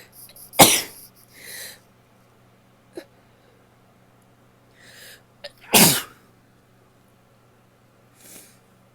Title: sneezes (f)